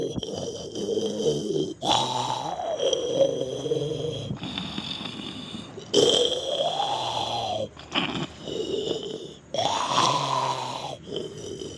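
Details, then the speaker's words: Sleeping cat, described as the worst snorer, gives loud, rough snoring with long rattling breaths repeating every few seconds while the owner tries to wake it; snoring. "Hei, bangun. Ngorokmu bising kali. Bikin pening kepalaku."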